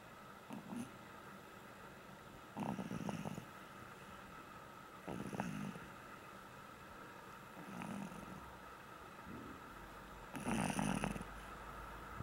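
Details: Soft snuffling snores repeating every few seconds over steady room hum; a pug in deep sleep snoring.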